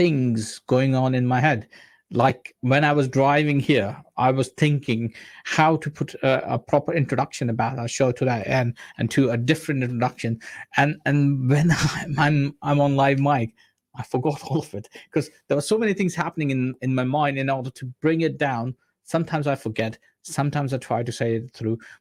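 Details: Adult man speaking; normal speech.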